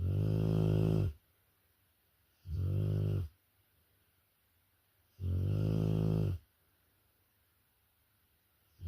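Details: A Rottweiler dog snoring while asleep, loud enough to be impossible to sleep through: loud, low, rumbling snores in three long bursts separated by quiet pauses.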